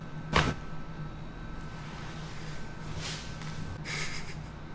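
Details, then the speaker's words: Chiropractic cervical adjustment, head turned, in a woman with tender neck muscles after four car accidents six or seven years ago: one sharp crack, a neck joint cavitation, felt as releasing rather than painful. "was it scary it was for the noise that I heard yeah it didn't feel it felt more releasing than painful but it sounded like it should kill right yeah definitely"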